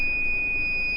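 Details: Steady high-pitched alarm tone as an Allied Meditec 1700 ICU/transport ventilator is switched on, a normal start-up alarm.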